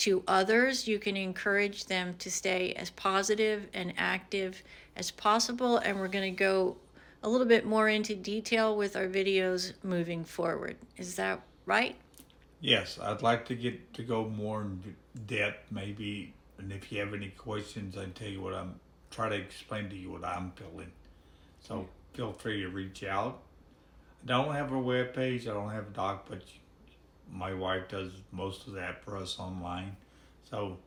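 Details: Man with ALS diagnosed in October after about five years of misdiagnosis; his speech is severely hampered and swallowing is also affected; dysarthria.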